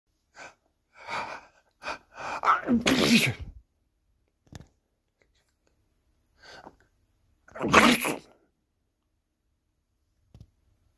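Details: Person fakes sneezes to make a 97 lb female AmStaff mix dog sneeze; build-up of in-breaths then a second explosive sneeze a few seconds later, in a quiet room; sneezing.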